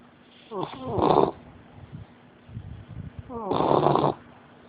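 Two loud, rattling snores roughly three seconds apart, with softer snuffling breaths between them; a dog snoring in sleep.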